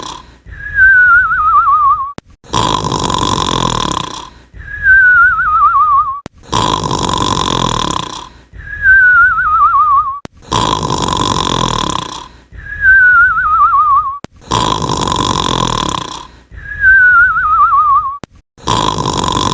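Cartoon snoring: a falling whistle alternates with a loud rasping snore, about 15 cycles a minute; an imitation from an animated show.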